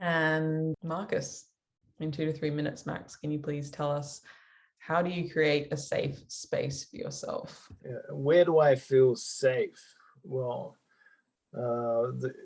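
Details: Adult female speaker, with a brief reply from a second adult; typical speech.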